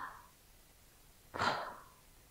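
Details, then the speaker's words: Imitated agonal breathing demonstrated in a CPR safety class: a lone heavy, gasping breath after a long pause, resembling sleep-apnea-like gasps; in an unconscious person this indicates cardiac arrest. "이런 두 가지 제가 지금 보여드린 호흡은 사실은 돌아가시기 전에 마지막 호흡, 바로 임종 전에 호흡일 가능성이 있습니다."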